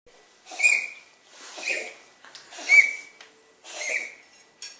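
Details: Small animal gives four short, high-pitched, wheezy huffs about a second apart; cough.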